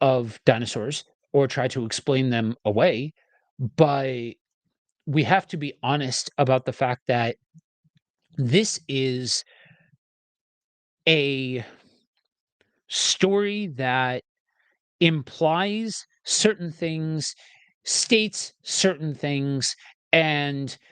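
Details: Adult male reader who says he has a speech impediment and will stumble and stutter while reading aloud; stuttering.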